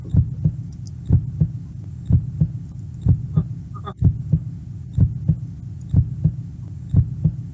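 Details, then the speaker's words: Steady paired lub-dub thumps at about 62 beats a minute, a computer-generated imitation of a normal heartbeat played as an example. "What is that sound? That's a heartbeat. That's a beautiful sound, right?"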